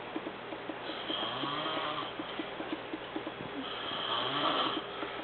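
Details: Exhausted adult man (a preacher) snoring: two drawn-out, buzzing snoring breaths with fast fluttering vibration, over a muffled, noisy recording.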